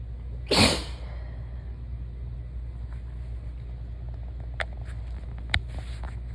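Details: Single loud sneeze at the beginning of a cold, followed by quiet room noise with a few faint clicks.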